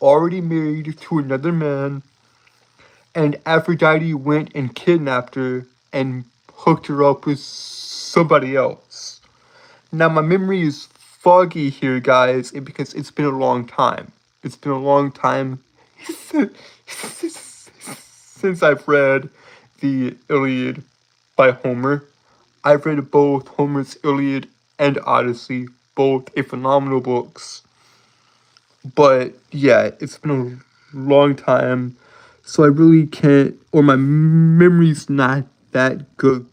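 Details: Adult male streamer with a self-reported speech impediment, with frequent word and phrase repetitions; speech disfluency (speech impediment).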